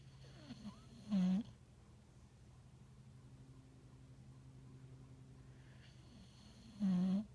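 Two short nasal snorting snores about six seconds apart, over a steady low hum. Snoring.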